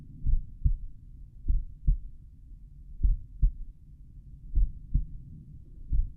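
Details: Slowed-playback stethoscope recording at the mitral area, person lying on back: paired low thumps repeating regularly, first and second heart sounds stretched out; heart sounds.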